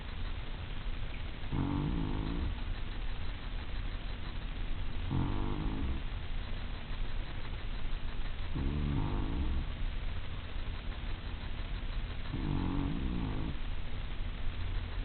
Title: Tucks Snoring